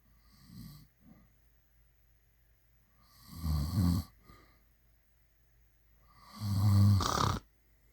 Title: snoring | snoring loud # #snoring #shorts #snoringloud #loudsnoring